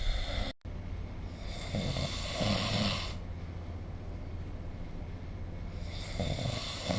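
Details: Snoring during sleep recorded with the SnoreLab app: quiet, low, rumbling snoring breaths over steady background hiss.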